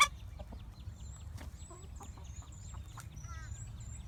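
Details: Two short, sharp sneezes from a chicken between soft clucks; owner suspects a cold.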